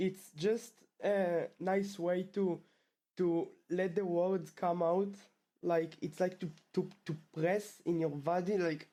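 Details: Male 12th-grade student who has stuttered since about age two, with the stutter returning after two years of fluency; stuttering.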